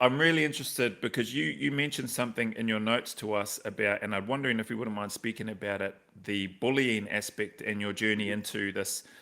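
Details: Adult male speaker; normal fluent speech.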